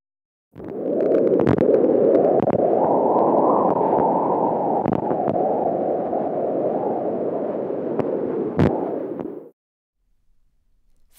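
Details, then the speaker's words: Home BabyBeat fetal Doppler on a pregnant belly picking up placental sounds, a steady rushing whoosh like wind in the trees with a few clicks. This is a placental souffle. "placental sounds often said to sound like the wind in the trees"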